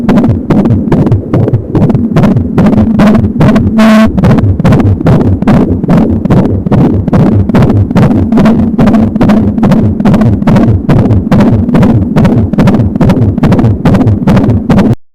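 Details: Fetal heartbeat at 25 weeks of pregnancy on an Angel Sound home fetal Doppler: rapid, regular galloping thumps at about 170 a minute, with a soft whooshing umbilical cord sound.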